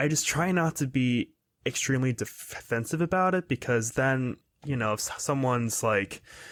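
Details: 22-year-old man who has stuttered his whole life, speaking in a real conversational interview; stuttering.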